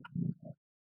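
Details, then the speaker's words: Very loud snoring from a French Bulldog dog, recorded during a podcast. "Philo snores like a shit ton. Everybody knows Frenchies snore."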